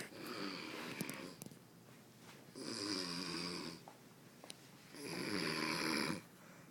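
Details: Sleeping adult man, inebriated, recorded around 3:30 a.m., gives loud, rough, rattling snores on each breath in, about 24 per minute; snoring.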